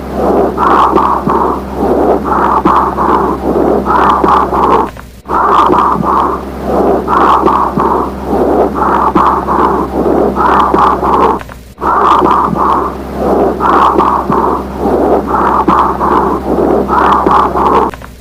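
Repeated whispered phrases come through the chest wall clear and distinct: whispered pectoriloquy, a sign of lung consolidation.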